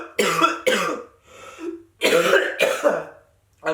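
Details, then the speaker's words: An adult who says he is very sick and sounds raspy gives about four harsh, abrupt coughs in two pairs, with a brief pause between. "anyway guys sorry if I sound a little bit raspy today I'll probably"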